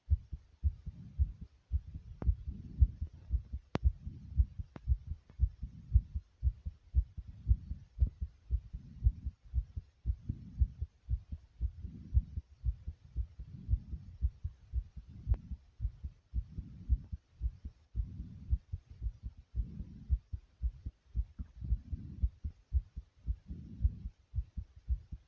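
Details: Heart racing right after 65 jumping jacks: fast, strong, regular pounding heartbeat at roughly 110–115 a minute, a normal rapid heartbeat after exercise.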